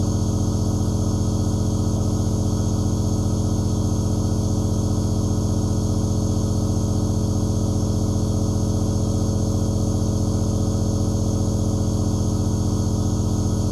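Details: Steady, loud droning hum of a compressor nebulizer producing aerosol, running continuously with no breathing heard.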